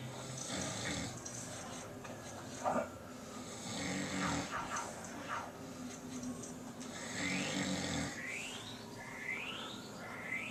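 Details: Snoring in an adult man who denied that he snores: rough, low rattling snores in long bursts with each breath in, mixed with whistling, rising squeaks against steady room hiss; snoring.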